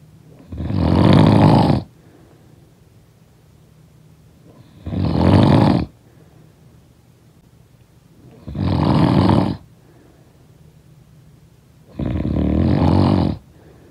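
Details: Snoring sound-effect recording: four loud, rough snores on inspiration, about one every 3.5 seconds, with quiet breathing between; ordinary snoring.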